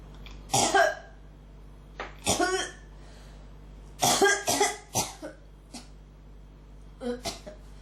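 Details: Persistent dry, hacking cough that won't stop, about ten coughs in groups with brief pauses; throat feels strongly irritated, something almost coming up but not quite. Persistent cough.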